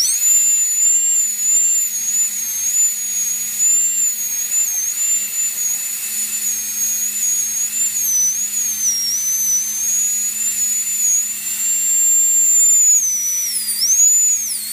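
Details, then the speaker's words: Continuous high-pitched whine of a high-speed dental drill, pitch dipping as it cuts. It is removing bone over the mesial roots of a Papillon dog's fractured upper fourth premolar so the roots can be elevated from the socket during surgical extraction. "I'm gonna remove some of the overlying bone here to make it easier to elevate the root from the socket"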